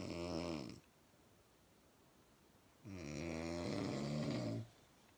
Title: she snoring again